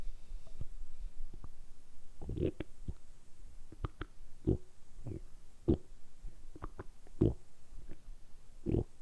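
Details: Repeated short irregular gurgles and pops, about 39 a minute, from a man's belly, deliberately produced for ASMR; ordinary harmless stomach rumbling, borborygmi.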